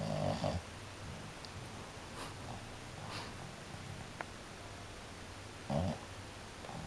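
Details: French Bulldog snoring with eyes open: rough, low snorting breaths, loudest at the start and again near the end, with quieter noisy breathing between.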